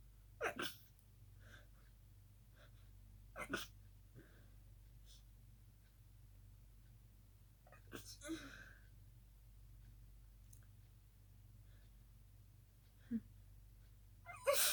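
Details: Night-time sneezing fit, mostly stifled: several muffled, held-back sneezes with soft breaths between them in a quiet room.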